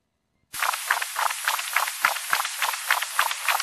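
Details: Harsh continuous Doppler hiss with rapid pulsing at about 200 a minute in a cat with VSD, mitral stenosis and tricuspid insufficiency; turbulent mitral flow of mitral stenosis with mitral regurgitation.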